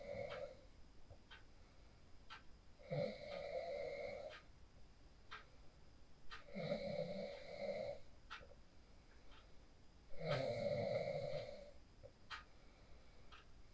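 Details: Snoring from a person sleeping after practicing the 4-7-8 breathing technique, recorded on a phone: regular buzzing nasal snores about every three and a half seconds, with faint room clicks between them.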